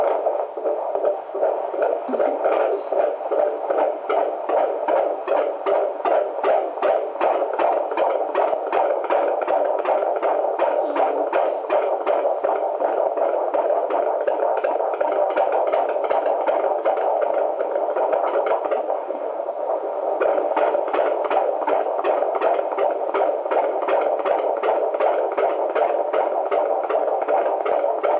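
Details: Fetal heart tones at 27 weeks pregnant, heard with a handheld Doppler: rapid, regular whooshing pulses at about 148 beats a minute, a normal fetal heartbeat in a growing baby boy.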